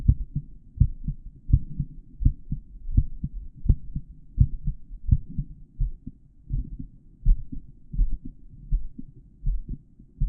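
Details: Normal heart sounds of an adult male, recorded through a stethoscope with a microphone in the earpieces during auscultation of the heart valve areas: regular lub-dub beats at about 80 per minute.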